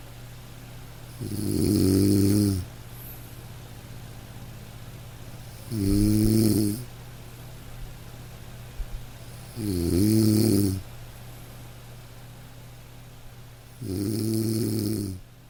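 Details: Regular, buzzing, tonal snores on each breath in, about 15 a minute, over steady room hum, during sleep.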